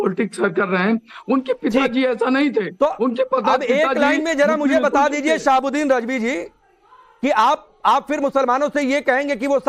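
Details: Adult news anchor speaking Hindi; normal voice.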